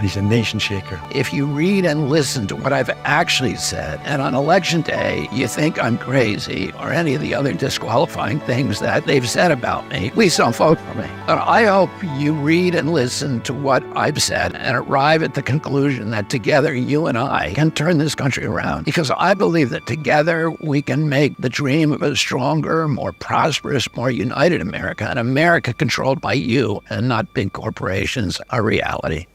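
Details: Spasmodic dysphonia (he calls it spasmodic dystonia) in a 70-year-old man: a neurological voice disorder that makes his voice tremble, with onset at age 42. He also says his voice was very strong until age 46.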